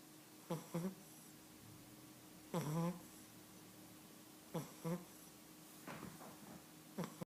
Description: My 11 week old Cavalier King Charles Spaniel puppy snores!